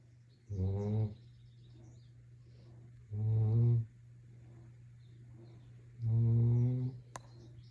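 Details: Labrador retriever puppy snoring in sleep: three deep, buzzing snores about 22 a minute, with quiet breaths between them over a steady low hum.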